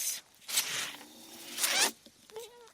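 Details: Speaker's own mechanical ventilator heard during a podcast recording: two breathy, hissing bursts of air, each about half a second, with a brief faint tone after; mechanical ventilator cycles.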